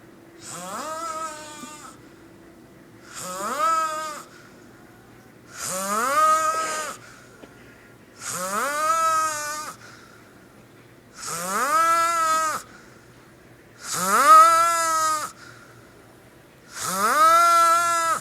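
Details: Loud, regular rattling snores, about 21 a minute, from a sleeping man who claims he doesn't snore; each is a drawn-out vibrating breath with quiet pauses between; typical snoring.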